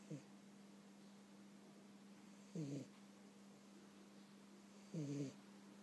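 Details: Cat snoring during a summer nap: three short, low snoring breaths about every two and a half seconds over a steady background hum.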